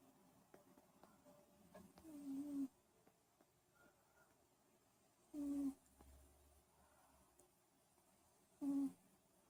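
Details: Cat snoring while sleeping after a day of catching frogs: soft, high, whistling snores recurring every few seconds in a quiet room.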